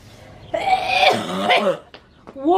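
A loud, drawn-out voiced throat clearing with a raspy hack, followed by short sniffs.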